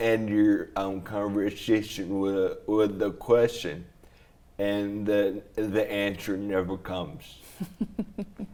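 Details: Adult man with traumatic brain injury from a snowboarding crash into a tree, with damage around the brainstem and cerebellum; after a coma he relearned to talk. Slurred speech; dysarthria after traumatic brain injury.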